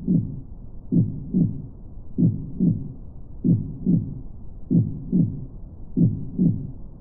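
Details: Heartbeat ambient relaxation sound: steady, slow heartbeat with paired low thumps, about 48 beats a minute.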